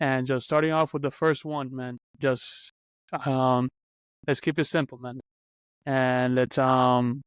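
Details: Adult man who stutters, speaking on a podcast about stuttering; stuttering.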